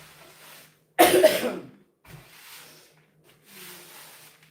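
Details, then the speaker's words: A single loud, dry cough from an adult recovering from a cold, described as a lingering, pointless cough from a small irritation at the back of the throat, though no longer sick; post-viral cough. "all that's left of my cold, as you can hear, is just this icky, stupid cough that is literally pointless. And all it is is this little irritation in the back of my throat that just keeps making me cough every once in a while."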